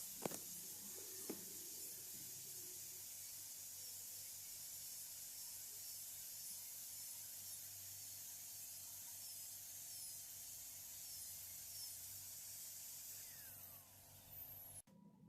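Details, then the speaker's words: Steady high-pitched whine with water-spray hiss and brief clicks from a high-speed dental handpiece deroofing the pulp chamber during root canal access on an extracted calcified lower molar. "So, firstly, deroofing as measured in the preoperative X-ray forms the first step. Once the mesobuccal and distobuccal orifices are exposed, in a brushing motion, deroof the mesiolingual and distolingual canals to expose the entire roof of the pulp chamber."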